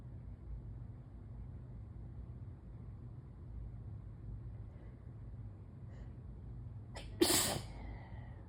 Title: Intense morning allergy sneezes (pt. 3/3)